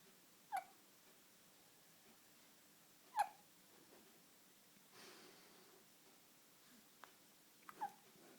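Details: Sleeping baby: soft, sharp hiccup sounds, three or four over several seconds in a quiet room; infant hiccups.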